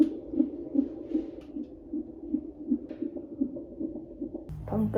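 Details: Rapid, regular whooshing pulses at about 150 beats a minute, ending in a louder burst, from a fetal monitor during a hospital non-stress test at 32–33 weeks of pregnancy; normal fetal heartbeat.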